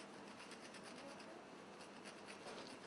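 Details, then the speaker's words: Bunion surgery: manual hand rasp filing the bony bump, producing bone paste, until the protrusion is flat; quiet, continuous rhythmic scraping: manual bone rasp filing. "as you notice as more filing is performed the bump gets reduced more and more this is all what we call bone paste"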